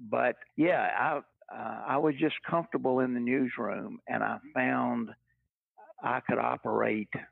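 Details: Older adult man, retired after a 40-year career and raised in the 1950s, who has stuttered all his life since he began talking; speech therapy and family history are discussed; real, not acted; stuttering.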